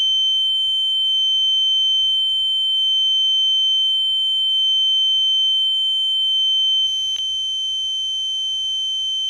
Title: Ear noise sound effect. Ear ringing